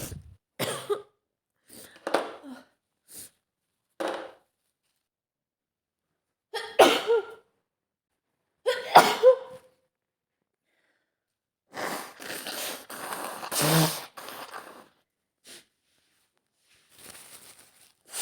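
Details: Acted scenario: young woman (maid) with dust allergy cleaning a dusty room; repeated bursts of strong, desperate sneezes with coughs and sniffling in a small room.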